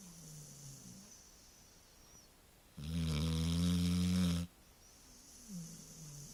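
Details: Sleeping Labrador dog; a deep, rattling snore on one long breath with quieter breathing before and after; ordinary snoring.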